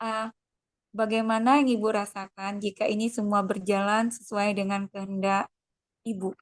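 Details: Adult woman speaking; normal speech.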